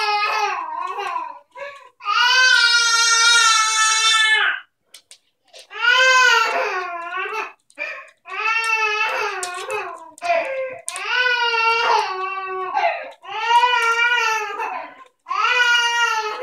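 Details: Baby girl crying for no apparent reason: repeated loud, rhythmic wails with short breaths between them; typical infant crying.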